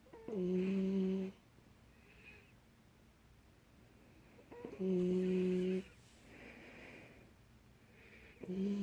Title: Golden retriever puppy snoring